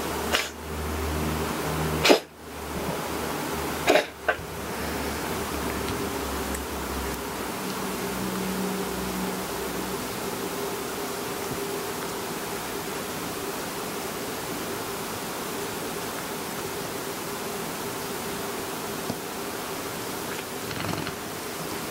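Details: A cat with a slight seasonal cold gives about four short, sharp coughs in the first few seconds, then only steady room hum.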